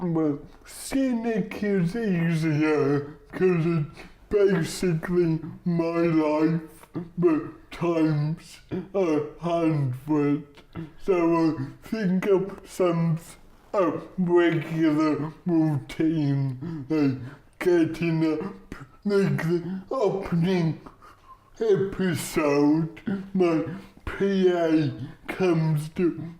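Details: Adult man, comedian with cerebral palsy, real patient; dysarthria due to cerebral palsy.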